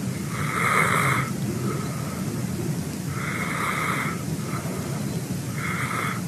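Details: Adult male sleeping in the house, rhythmic mouth-open snoring with harsh bursts roughly every 2.5 seconds over room hiss.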